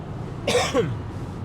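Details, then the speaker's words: Exhausted adult at a medical conference gives a cough and says the chest feels a little heavy, hoping not to be getting sick. "And as you can hear, I am really hoping that I didn't pick up something because chest is a little bit heavy."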